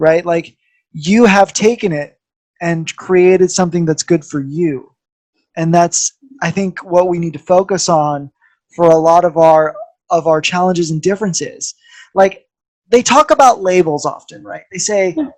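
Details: Adult speaker; normal speech.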